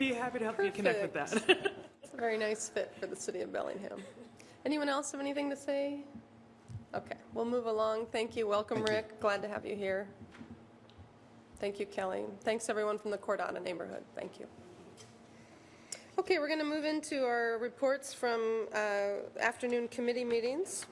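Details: Adult woman speaking in a meeting room; normal speech.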